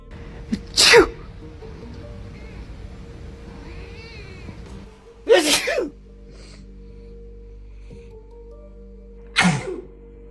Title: Cat sneeze. #funny #funnypet #cat